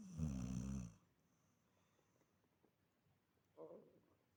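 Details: Older female dog in deep sleep, with incurable pemphigus foliaceus and a carcinosarcoma that was removed, snoring: one loud, low, rattling snore, then a quiet room, then a fainter soft breath.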